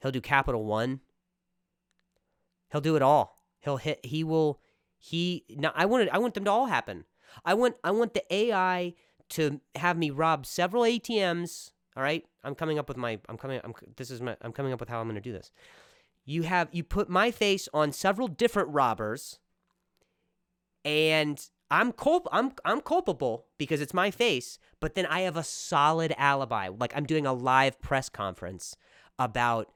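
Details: Male comedian's real stuttering while speaking on his own podcast; stuttering.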